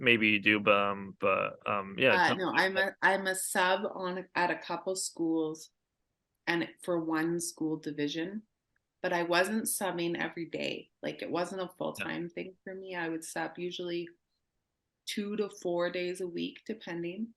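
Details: Adult woman speaking; plain speech.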